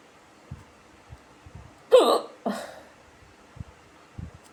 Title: Women starts having cute hiccups after smoking a cigarette #hiccups